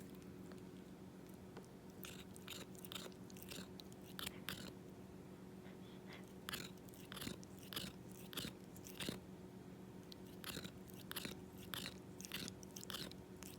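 Irregular scraping, crunching tooth-on-tooth sounds, roughly 100 a minute, over a steady low hum; tooth grinding in a cat.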